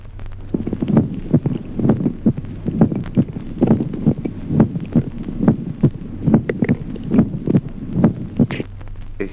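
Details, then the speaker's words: Teaching recording example of reinforced heart sounds: steady heartbeat near 70 a minute with a loud, sharp first sound in each cycle, an accentuated first heart sound. "Ahora del grupo de los ruidos cardíacos reforzados como ejemplo vio. Reforzamiento del primer ruido."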